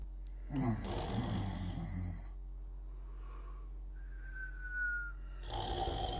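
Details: Two sleeping together: a rough, fluttering breath sound, then a faint nasal whistle over steady room hum; snoring in sleep.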